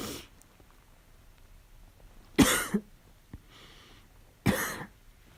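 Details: Adult with a fall cold: two loud, harsh, abrupt coughs with a barking quality, separated by quiet pauses. Barking cough.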